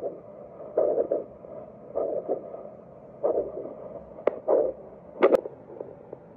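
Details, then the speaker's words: Handheld vascular Doppler over the facial arteries of the examiner's daughter (labial, facial, infraorbital, supraorbital, supratrochlear): intermittent whooshing pulses with scraping probe noise, pulsatile arterial flow showing the vessel is open. "what i'm going to show you is how i used it on my daughter to check some of the major vessels of the face i was able to doppler the superior inferior labial arteries the facial artery the infraorbital artery and the supraorbital artery as well as a superficial trochlear artery"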